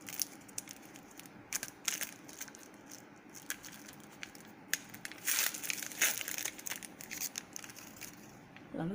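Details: Crinkling and tearing of plastic and paper as a new syringe package is opened during a nursing demonstration of a venous blood draw from an arm vein.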